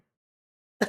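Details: Staccato cough, played as an audio example in a paediatrics teaching lecture.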